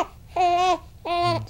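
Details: Two short, clear fussing cries from a 5-day-old baby boy during handling in a pediatric neurologic exam, as he resists an ear-and-eye maneuver: a normal newborn fussing cry.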